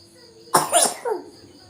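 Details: Young child coughing while eating: one sharp cough then a brief throaty follow-up sound in a quiet room.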